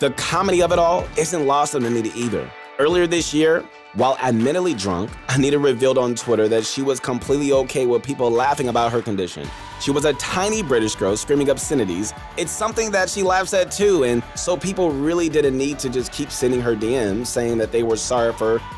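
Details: Adult male narrator; normal speech.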